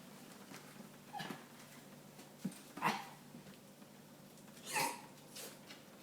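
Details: Small dog Hobbes with a fit of sneezes: a run of about three short, sharp nasal bursts against quiet room noise.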